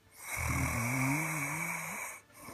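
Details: Person snoring: one long, droning snore with rising pitch over a steady background hiss; snoring.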